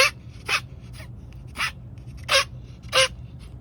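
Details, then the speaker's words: Ferret later hospitalized for congestive heart failure, with a wheezing-type cough that began about two to three weeks earlier, mostly at night and in the evening; a series of short, dry, hacking coughs. "he started coughing he was doing this like wheezing type cough which I'll put a video of it so you guys can hear it"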